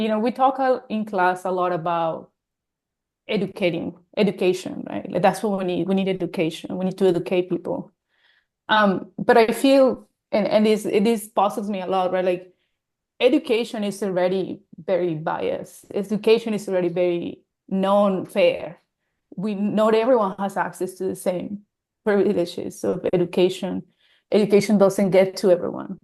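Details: Adult woman; normal speech.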